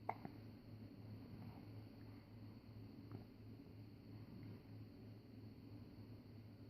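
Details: One-month-old baby girl with hiccups.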